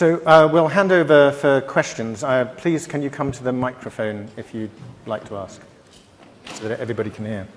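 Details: Adult male speaker in a large hall; normal voice.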